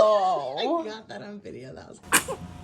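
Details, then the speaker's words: Baby babbling and cooing, then one sudden sharp sneeze while an adult says "bless you" nearby; sneezing. "Bless you. Goodness. >> Bless you. Okay, we're going to get it this time. >> Bless you. >> Oh, goodness. Were you about to sneeze?"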